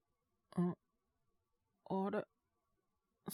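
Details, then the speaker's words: Acted cold cough by a male Japanese voice actor playing a young worker whose cough worsened the next day, with a low fever of 36.9°C. Two short, voiced coughs separated by silence. Simulated common-cold cough. "ちょっと咳出るようになっちゃって。風邪ですかね？"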